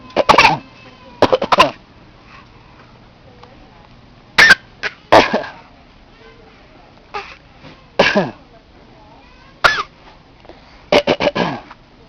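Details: An infant who has been imitating her parents makes short, breathy, cough-like bursts in small clusters, a playful fake cough rather than illness; voluntary cough.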